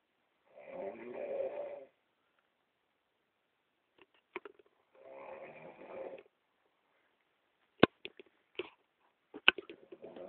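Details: Adult woman asleep in a hotel, two drawn-out rattling snores a few seconds apart, soft clicks from her jaw between them; snoring.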